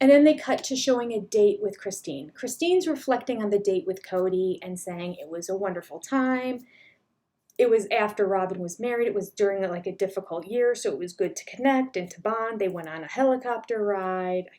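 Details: Adult woman speaking; Normal speech.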